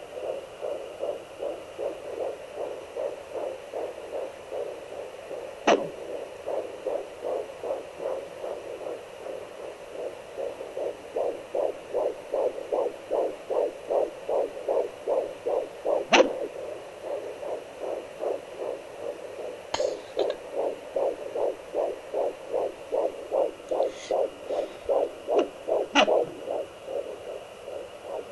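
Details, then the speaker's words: Home fetal Doppler at 13 weeks 5 days of pregnancy: rapid, steady whooshing fetal heartbeat near 154 a minute, with occasional sharp knocks from the baby moving and loudness shifting as it moves. "13 weeks, 5 days today. It must be moving. That has to be it moving, making those noises."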